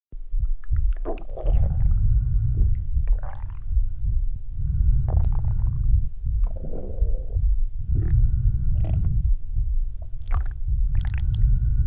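Long, low rumbling and gurgling with some higher squeaky gurgles; ordinary stomach growling from gas and fluid moving through the gut.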